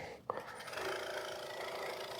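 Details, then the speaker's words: Medical suction machine, set to maximum pressure, switched on and suctioning a cup of water in a setup demonstration: a switch click, then a steady whooshing, humming motor noise. "So let's go ahead and turn this on and use it on a cup of water to demonstrate the suction."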